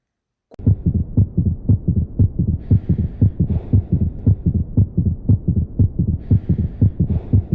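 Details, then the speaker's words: Regular heartbeat with an extra soft low thud in the first third of diastole after the second sound, from ventricular wall vibration at the end of rapid filling: a third heart sound (S3 gallop). "el tercer ruido cardíaco se da en una fase diastólica y generalmente ocurre en el primer tercio de la diástole en esta fase la sangre de la aurícula está pasando por el ventrículo"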